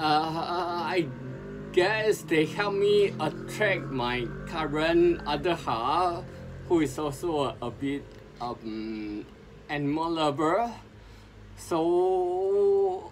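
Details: Adult man with sporadic spinocerebellar ataxia since 2002, recording speech practice as his own speech therapy; ataxic dysarthria.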